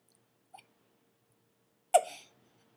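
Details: A 2-year-old girl deliberately making herself burp: a faint brief sound, then one short, abrupt burp in a quiet room.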